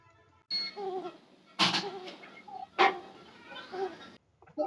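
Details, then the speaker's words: Newborn with respiratory distress syndrome: short voiced expiratory grunts on each breath out, about 50 a minute, from glottic closure during expiration. "in this video grunting sound is Audible newborn is suffering from respirative distress syndrome"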